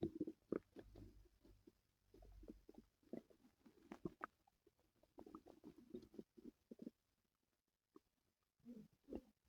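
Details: Stomach noises from a person whose stomach hurt the previous night: low gurgles, bubbling and growls in bursts with brief quiet gaps; active bowel sounds (borborygmi).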